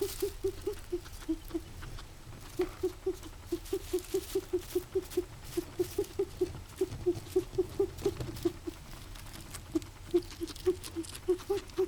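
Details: Guinea pig making a strange noise in the morning, recurring again: rapid, regular short squeaky tones about three a second, sounding like wheezing; wheezing.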